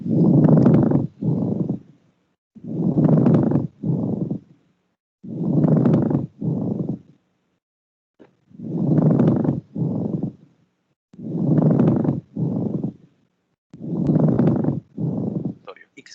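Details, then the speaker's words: Coarse, creaking rubbing sounds with every breath in and out, about 23 breaths a minute: pleural friction rub, from friction between inflamed pleurae, usually accompanied by pleuritic pain. "el flote plural aparece como consecuencia de las fricciones entre ambas pleuras cuando están inflamadas por lo tanto es un hallazgo que suele acompañarse de dolor político"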